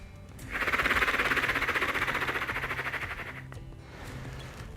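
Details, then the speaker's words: Oscillating positive expiratory pressure device (Bronc-u-vibe) to loosen phlegm: breath in through the nose, then a long exhalation through the mouth into the device gives a steady, rapid fluttering buzz of about three seconds, repeated ten times. "breathe in through your nose out through your mouth into this little device so you go [Applause] and you try to do that for as long as possible and you do that ten times"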